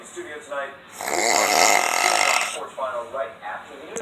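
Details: Ordinary snoring: one long, loud rasping snore between bits of talk.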